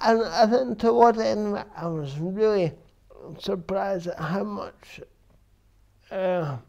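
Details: Dysarthria in an adult man with cerebral palsy since birth, which he says affects his verbal communication, balance and coordination.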